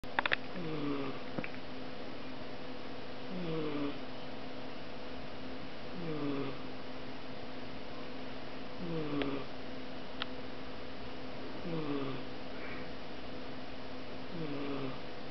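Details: Female British Shorthair cat snoring while asleep: soft, regular, whistling, rattly breaths, about 22 a minute, over a steady room hum.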